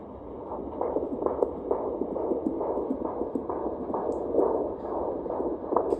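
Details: Fetal heartbeat at 38 weeks of pregnancy: rapid, regular whooshing pulses at about 135 beats a minute, within the normal range.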